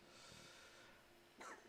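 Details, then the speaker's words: Pet cat wheezing in the background: a faint, steady whistling breath ending in a brief snorting burst. "i don't know if you can hear my cat wheezing along the background sorry bruce"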